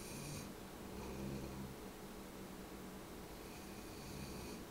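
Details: Female pet snoring while asleep in her chair by the living-room windows: low, rumbling rhythmic breathing with soft fluttering tones over a steady room hiss.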